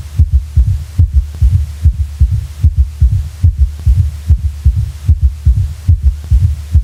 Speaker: When both the third heart sound and a fourth heart sound are present, with a normal heart rate, 60 to 100 heartbeats per minute, the four-sound cadence of a quadruple rhythm may be heard. Listen to such a rhythm in which all four heart sounds are present.